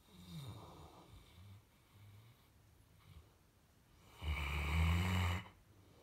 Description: Just a Saint Bernard dog snoring like a human.